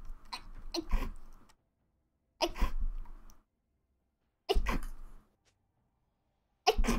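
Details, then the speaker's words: Adult gamer sneezing repeatedly while playing League of Legends: about four sharp, explosive sneezes, evenly spaced with brief quiet gaps. "Oh my god, I was sneezing and I didn't see this Yasuo and I just fucking flew into him."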